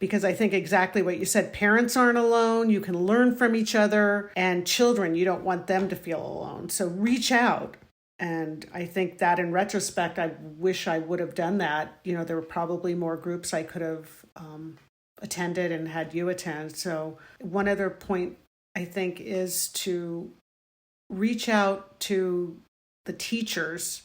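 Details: Adult woman speaking; no speech disorder.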